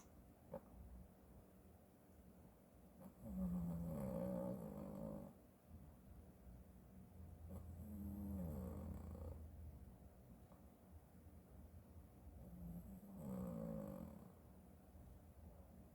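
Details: Sleeping cat's everyday snoring, unedited audio: three deep, rumbling snores about five seconds apart, each a drawn-out rattling breath.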